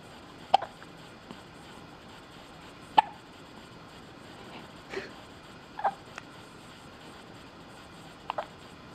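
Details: Hiccups: about five brief, soft, sharp catches at irregular intervals, roughly every 1–3 seconds, in a quiet room.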